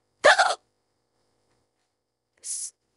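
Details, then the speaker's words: One short, sharp voiced hiccup, then a faint breathy sound after a pause; hiccup of a woman who says she has had hiccups on and off for 15–20 minutes and can't fall asleep; hiccups. "oh uh excuse excuse me I'm really trying to fall asleep man that I care due to these hiccups oh hiccups excuse me"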